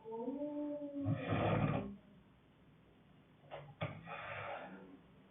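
Deep, rough, growling snores on the breaths, with quiet pauses between them; loud, vibrating snoring.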